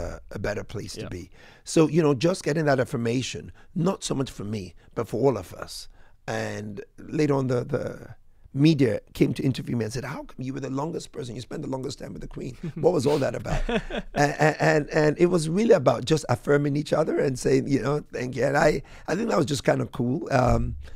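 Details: Adult man speaking; Normal speech.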